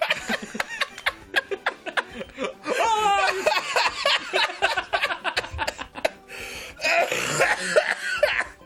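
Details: A run of short, harsh coughs and throat clearing from an adult male, mixed with laughter; an ordinary coughing fit.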